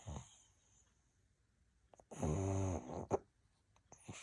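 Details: A pug snoring: a quiet room, then a buzzy, nasal snore on an in-breath followed by snuffling sounds, typical of a small flat-faced dog.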